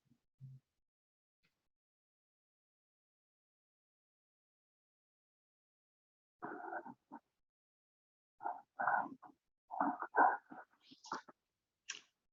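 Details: Bronchophony on chest auscultation: after a long silence, spoken syllables come through the stethoscope loud and fairly distinct though muffled, showing increased voice transmission.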